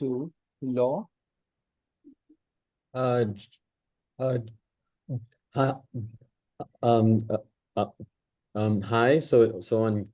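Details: Stuttering in an adult man hosting a stammering practice circle, natural speech before a voluntary stammering demonstration, with audible word repetitions.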